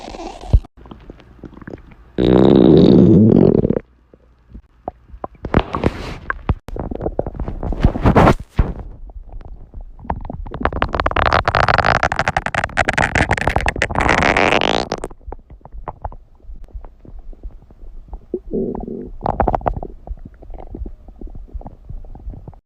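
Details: Gurgling, rumbling bursts from an adult male's stomach: ordinary borborygmi (stomach growling) from gas and fluid moving through the gut.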